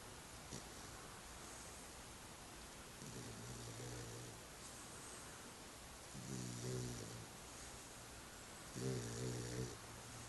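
Soft, buzzing snores from a puppy, about three over ten seconds, each louder than the last, over steady background hiss.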